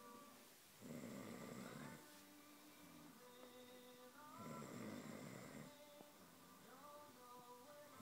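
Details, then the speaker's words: Snoring: two soft, rasping snores about four seconds apart under background music; ordinary snoring during sleep. "This is having a bit of a snore."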